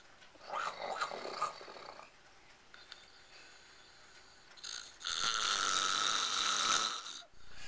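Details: Adult man asleep and snoring after a long night of drinking alcohol: rough, rattling breathing noises with one long, loud snore near the end.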